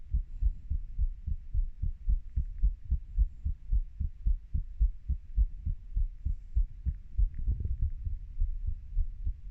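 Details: Heartbeat of a 30-year-old: steady, muffled low thumps, roughly 100 to 110 beats a minute, over a dull background rumble.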